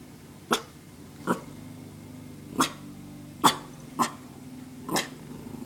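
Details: Protective dog gives six short, sharp coughing huffs in a small room to scare away an intruder, a warning display rather than illness.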